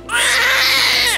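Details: Newborn baby girl just after delivery gives one loud, sustained wail lasting about a second: a strong newborn cry.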